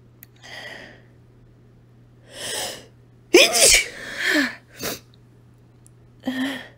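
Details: Woman sneezing after deliberately inhaling chili powder, recorded on a phone: several forceful sneezes in quick series with sharp intakes of breath between, in a quiet room.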